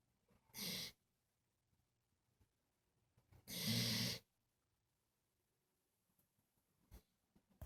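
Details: Overtired pet dog snoring like a human while asleep: two loud, airy, fluttering breaths a few seconds apart in a quiet room; dog snoring.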